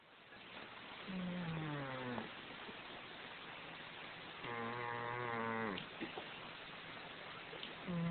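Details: Overweight cat snoring loudly, like a human, with two long, droning, tonal snores about three seconds apart over a quiet background; snoring.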